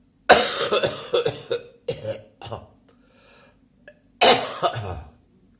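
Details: Persistent cough still present three weeks after a chest infection: two bouts of repeated harsh coughs, about ten in all, with a gasp between.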